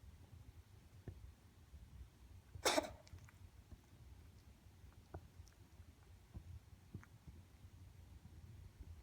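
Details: Olivia, recorded 29 Jan 2016 at 5:30 pm: a single short, explosive cough in a quiet room, followed by faint clicking and smacking sounds of swallowing; cough.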